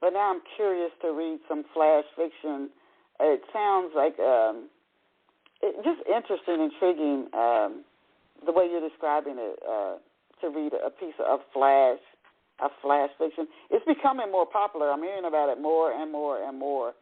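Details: Adult woman speaking, telephone-quality line; normal speech.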